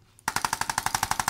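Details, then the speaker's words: Chiropractic adjusting instrument (ArthroStim) tapping a patient's neck after a Y-strap adjustment to ease stiffness: after brief quiet, a fast, even run of crisp mechanical taps. "this is a great tool I'm going to tap his neck now that feels good yeah I like to kind of just kind of go to the range of motion a little bit on the patient"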